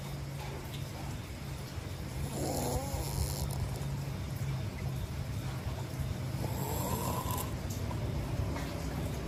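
Two rough, rattling snores about four seconds apart over a steady low room hum; ordinary snoring during sleep.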